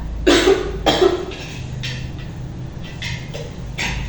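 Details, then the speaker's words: Voluntary effective cough in a simulated nursing role-play of deep breathing and effective cough: after a deep breath held 2 seconds, two strong deliberate coughs then softer breathy huffs to clear mucus; repeated attempt with slight mucus remaining. "Baik Bu, ulangi lagi ya. Ibu tarik nafas, ditahan 2 detik, kemudian Ibu membatukan."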